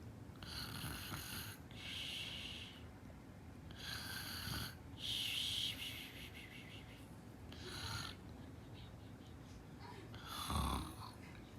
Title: PEANUTS REACTION ON SNORING